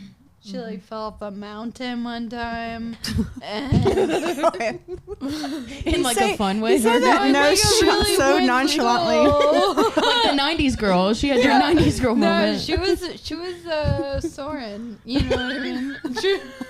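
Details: Ataxic dysarthria in a 26-year-old woman with Friedreich's ataxia, a progressive genetic disease; also affects gait.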